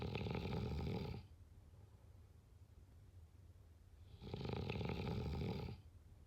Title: #snoring #snoringasmr #snoringsounds #snoringsleepingsoundeffect #sleepsounds